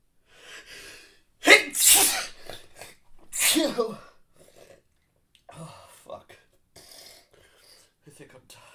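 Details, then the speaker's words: Male, stifled sneezes after failing to hold back a strong nose tickle: two loud, explosive sneezes close together, then quieter breathing and small muffled sounds. Repeated sneezing. "Tickle keeps coming back stronger. I don't think I can hold. I don't think I can hold this one back. I'm sorry. It's too strong."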